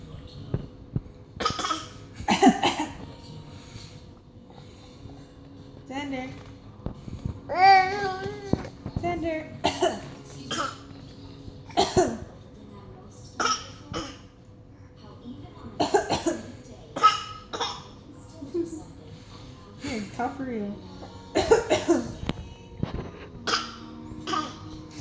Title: copies mommy's coughing